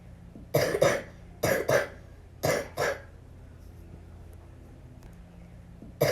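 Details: Young girl with influenza: three pairs of harsh coughs, a quiet pause, then another cough beginning; flu cough.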